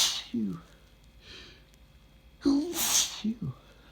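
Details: Person reading a light novel aloud before taking morning medications: a breath intake, then two sharp, explosive sneezes between quiet spoken sounds.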